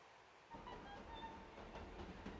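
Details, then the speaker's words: Simulated hearing loss: faint, muffled music with a low rumble, turned down by a hearing loss simulator so it is barely audible though playing. "So again, you can barely hear it, but the music is actually playing."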